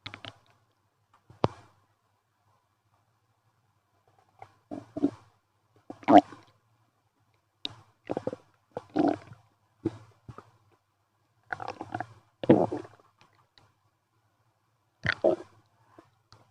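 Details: Active bowel sounds (borborygmi) from a person's stomach after eating a chicken nugget wrap and milk tea: loud, irregular gurgling and rumbling in bursts separated by quiet gaps.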